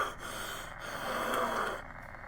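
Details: Adult with pollen allergy, sore throat, wheezing constantly: one long, rough, effortful breath with a faint whistling tone partway through, wheezy breathing.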